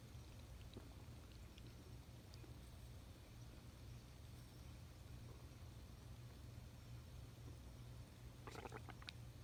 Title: Male stomach growling